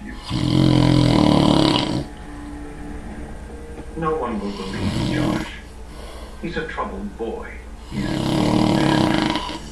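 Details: Adult man taking an afternoon nap: loud, coarse rattling snores lasting about two seconds each, with noisy breathing between them; snoring.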